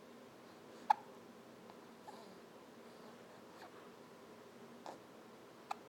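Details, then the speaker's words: Infant's daily bout of hiccups, frequent, at least once a day and also felt often before birth: soft, brief hiccups recurring every second or so in a quiet room, with fussing from not being held. "gets these quite often, but she's got the hiccups."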